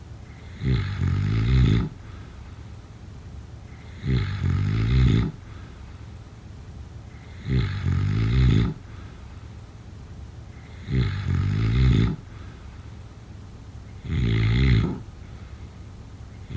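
Harsh, vibrating snores every three to four seconds, about 18 a minute, with steady background hiss between breaths.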